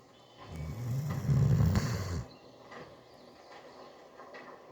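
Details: Snoring from a sleeping Doberman pinscher: one long, low rumbling snore on the in-breath, followed by quiet breathing.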